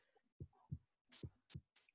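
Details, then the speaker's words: Simulated normal heart sounds from a 3D anatomy app's beating-heart model: regular paired low lub-dub thumps. "here is see it's the beating heart I don't know if you can hear the sound but there is the heartbeat sound"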